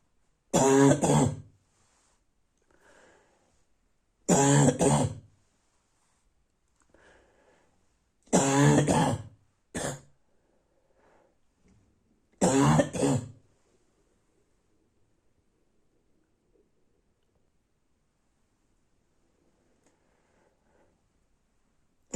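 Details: Night-time barking cough: five harsh, abrupt hoarse coughs or throat-clearing bursts in about 13 seconds with quiet pauses between.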